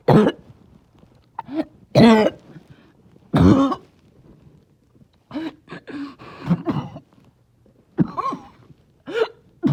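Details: Barking cough, with the person trying not to choke, on one of their rough days.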